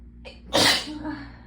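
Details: A quick indrawn breath, then one forceful, explosive sneeze, part of a sneezing fit brought on by getting chilled after the hot water ran out.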